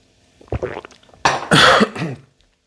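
An adult gives a few soft throat-clearing sounds, then a sharp cough and a brief throaty clearing.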